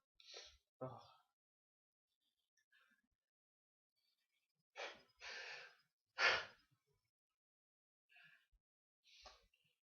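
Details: Person sneezing in a run of about six sharp, breathy sneezes, each with a short inward gasp before it and quiet pauses between.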